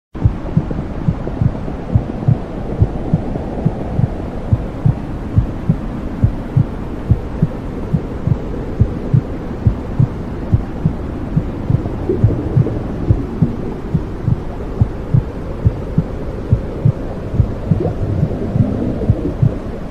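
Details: Mother's heartbeat under white noise for infant sleep: steady, regular low heartbeat thumps under constant hiss; normal heartbeat.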